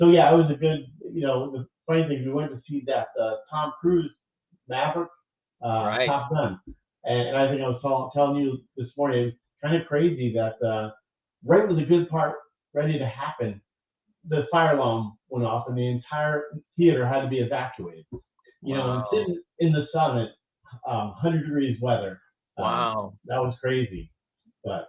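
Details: Adult stroke survivor who lost language after the stroke, now with mostly expressive (Broca's) aphasia; expressive aphasia.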